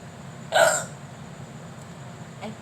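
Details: Single sharp, brief hiccup over a steady background hum, with a faint second catch near the end, during a performance of Ekla Chalo; hiccup.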